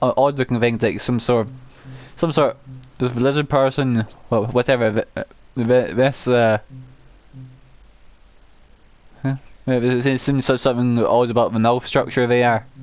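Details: Adult male with a self-reported uncontrollable stammer, which he says particularly affects m and w sounds, with audible word repetitions; stuttering.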